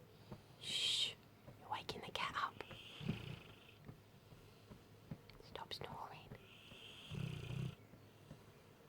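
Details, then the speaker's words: Sleeping mastiff cuddling a cat; slow, raspy breaths with low fluttering snore sounds on inhalation, mixed with soft whispering nearby; snoring. "his snoring keeping you awake? Hey? Is he snoring keeping?"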